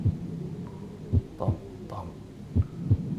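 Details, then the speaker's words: Slow, regular paired heart sounds at about 42 beats a minute heard through the stethoscope on a virtual-reality simulated patient; third-degree block or STEMI is considered as a possible cause: bradycardia. "is slow af my friend we need to get you treated"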